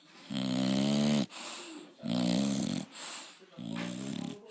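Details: Bulldog snoring loudly: loud, deep, rattling snores on each breath in, with softer breaths out, three cycles in under five seconds; heavy snoring in a flat-faced dog.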